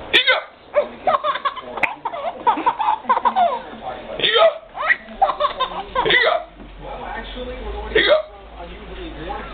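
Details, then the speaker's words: Mother with hiccups while talking and laughing with a baby: sudden short catching gulps of breath break through talk and laughter, television in background; hiccups. "it's not funny that I got the hiccup I'm suffering yeah Mama's suffering yeah she is she's suffering"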